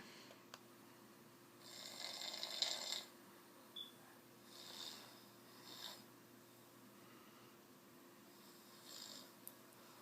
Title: Man snoring loudy!